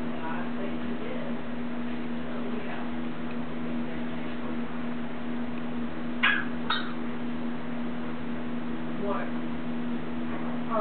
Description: Baby mimics a congested cough.